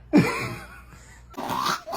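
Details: Infant with a sudden short, jerky catch of breath followed by another brief burst a second later, with laughter around: baby hiccups.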